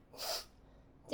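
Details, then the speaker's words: Simulated, staged sneeze during a relaxation treatment after the area around the eyes is pressed, spraying the client's face: a single short, hissing sneeze burst; acted sneezing. "すいません。くしゃみいっぱい顔にかかっちゃいましたよね。ごめんなさい。"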